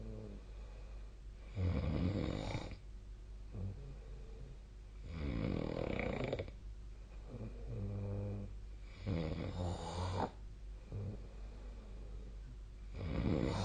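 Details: Snoring during sleep, recorded 2025-02-05: loud, rough snores on each breath at about 16 breaths per minute, with quieter gaps between.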